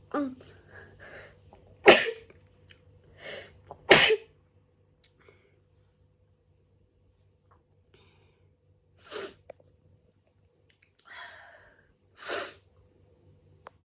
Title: Messy hayfever sneezes (& showing the mess)